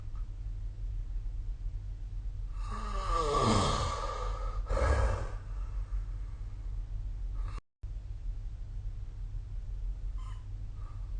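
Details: Human snoring during sleep: one loud, rattling snore on the in-breath, then a breathy out-breath, over a steady low hum of background noise.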